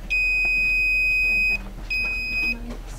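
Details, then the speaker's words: Buttocks dorsogluteal intramuscular injection simulator, dry 22-gauge 1-inch needle with no liquid: two high-pitched electronic warning beeps, one long and one short, with the red light. This signals the needle is too deep, has struck a nerve, or is in the wrong location. "it will also be to indicate that you are too far in you have struck a nerve if you are injecting in the wrong location the red light will turn on"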